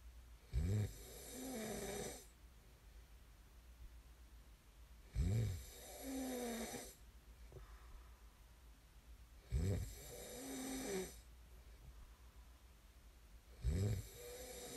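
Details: Loud rattling snores on each in-breath at about 14 breaths a minute, with quieter out-breaths between; ordinary snoring during sleep, from an ASMR snoring recording.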